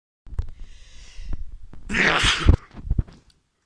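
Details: A drawn-in breath, then one forceful hissing sneeze burst, with handling noise around it; the person says they sneeze when tired.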